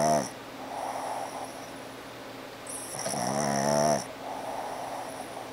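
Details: Snoring, which the owner attributes to a squishy face: two slow, buzzing snoring breaths with a whistling note, about four seconds apart, over a steady background hum.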